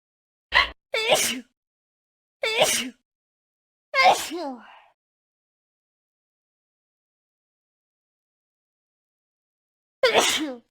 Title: School Of Sneezes Compilation